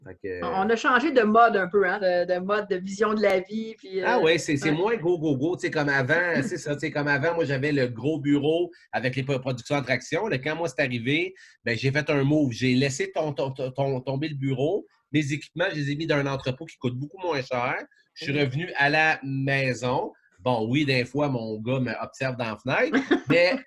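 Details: Adult male event host who says he now almost no longer stutters and that his stuttering gets worse when he is tired; stuttering.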